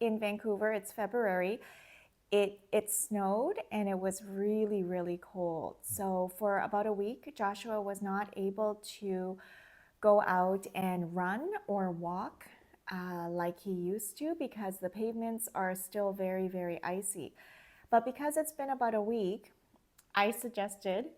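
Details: Adult woman speaking; no speech disorder.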